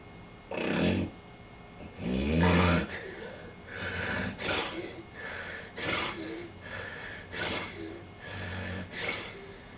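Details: Overweight man in a sleep study, sleeping on his back with pillow elevated and thick neck: loud, rough, irregular wheezing-like breaths, labored effort against a blocked airway in obstructive sleep apnea.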